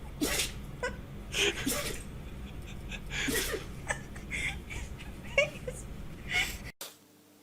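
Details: Several short, sharp nasal bursts from pet cats and dogs, quick sneezes one after another, with light room noise; sneezing.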